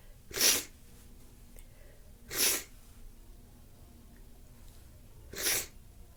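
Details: Person with stuffy nose sneezing: three sharp, hissing bursts about two seconds apart in a quiet room; repeated sneezes.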